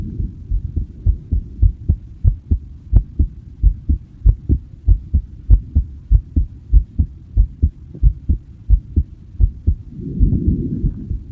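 Steady low thumping heartbeat, about 100 beats a minute, with a brief rustle near the end.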